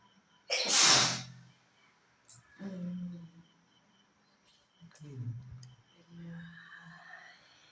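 One loud explosive sneeze, then softer breaths and voiced sounds in a quiet room.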